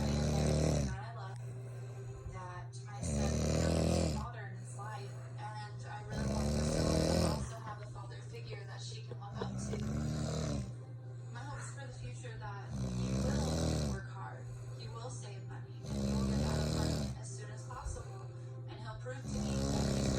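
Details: Adult woman (wife) snoring during sleep at night; loud, rough, rattling snores repeating about every three seconds over steady low room hum; heavy snoring.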